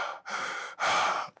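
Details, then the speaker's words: Noisy mouth breathing from an adult man who is under the weather with a cold-like illness, possibly flu (uncertain): two loud, airy mouth breaths close to the microphone. "So for this episode, I may be a little bit of a mouth breather. So you may hear extra,"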